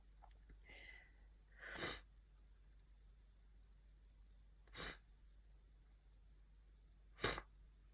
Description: Haven’t had much time the past couple of days to upload so here are some sneezing clips I had recorded during this cold.